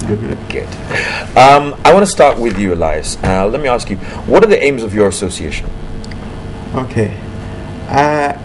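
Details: Adult male TV host; typical speech.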